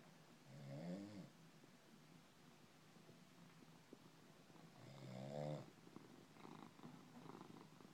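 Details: Resting cat purring and snoring: two slow, rough, buzzy breaths a few seconds apart over a soft continuous purr; snoring.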